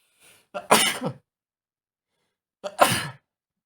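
Two separate sneezes, each a quick inward breath followed by a sharp explosive burst. Repeated sneezing.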